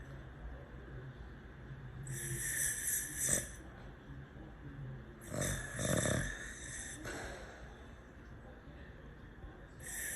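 Loud, harsh snoring breaths with rattling, snorting inhalations roughly every three to four seconds; ordinary snoring.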